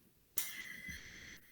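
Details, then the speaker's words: Wheeze demonstrated in a pediatric semiology lecture, described as lower-airway whistling: a single breath carrying a high, steady whistling tone over airy noise. "A sibilância está associada com o parênquima, então é lá nas vias aéreas inferiores. Então a gente vai ouvir esse chiado."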